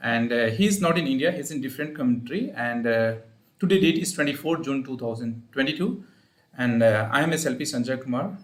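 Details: Adult male speaker; normal voice.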